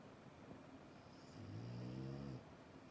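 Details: Dreaming bulldog snoring in sleep: a low, droning snore of about one second over steady background hum.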